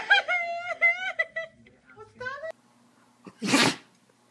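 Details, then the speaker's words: Dog sneezing, a single sharp hissing burst amid voices; owner says the dog has sneezed about 12 times. "You've sneezed about 12. You okay? Are you okay?"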